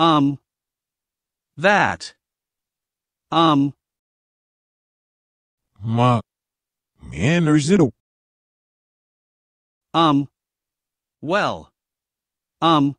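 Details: Aphasia after a left-hemisphere stroke on November 27, 2019, with impaired language comprehension and inability to communicate verbally.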